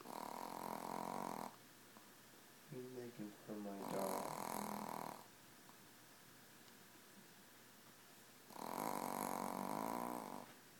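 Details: Sleeping 4-pound Yorkie snoring loudly like a chainsaw: rasping inspiratory snores over a second each, quieter snorting between, about 6 breaths a minute.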